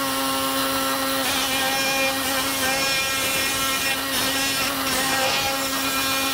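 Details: Surgical bone saw in a knee replacement demonstration on a model femur: continuous high buzzing whine with a rasping cutting noise as the blade passes through a guide slot to saw off the end of the bone.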